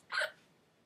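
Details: A single short, abrupt voiced hic-like catch from a high-school-age person with hiccups; hiccup.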